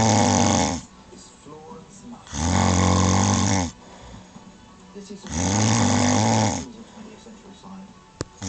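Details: An adult woman (the wife) snoring: three loud, rumbling snores about every three seconds with quiet pauses between them, and a TV audible earlier.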